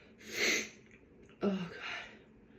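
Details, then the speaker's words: A woman's allergy sneezes, which she blames on hay outdoors, after she says her nose tickles: a sharp hissing sneeze, then a second voiced sneeze with a catch of breath; allergic sneezing. "I have to sneeze. Tickles. Oh God, I just want to sneeze."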